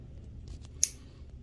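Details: Single sharp snip of nail nippers cutting a thick toenail, over quiet room noise. The patient is a former Marine with a suspected toenail fungus, thought to have started on Okinawa, and thick foot calluses. Toenail cutting.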